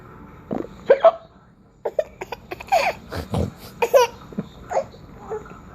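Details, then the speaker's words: 9-month-old baby boy with a bad case of hiccups, playing with his father: giggles and laughter broken by sudden short catches of breath, hiccups mixed with laughter. "You still have the hiccups? Yeah. Uh-huh. Let's see if we can make hiccups go away."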